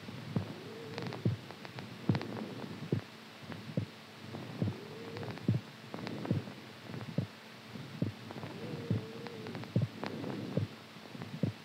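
Steady low thumping heartbeat, about 70 beats a minute, with a faint hum behind it.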